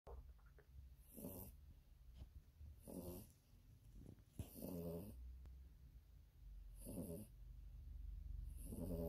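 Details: Sleeping Yorkie dog: rhythmic snorting snores about one every two seconds, with low room rumble underneath. Snoring.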